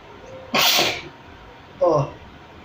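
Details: Self-provoked sneeze, triggered deliberately with a small stick; one loud explosive sneeze followed by a short voiced sound over faint room noise: sneeze.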